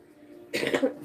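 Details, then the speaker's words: Adult with a lingering cough from an illness caught from the kids, described as hoarse: after quiet room sound, one short, harsh cough with a rough, slightly hoarse edge. "I've had such a crazy cough the kids came home from school and it's kind of just been this one of those uh sicknesses that kind of stuck around so now have like this ridiculous cough that sounds pretty horsey"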